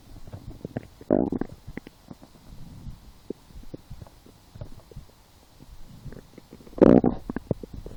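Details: Hunger-related stomach growling (borborygmi) while lying down, after skipping breakfast, a small lunch, and two doughnuts four hours later: irregular gurgling, bubbling and rumbling with two louder gurgles.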